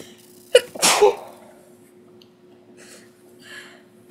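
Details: One of a series of about ten sneezes: a quick sharp intake then a forceful explosive burst, followed by quiet breathing; an ordinary sneeze.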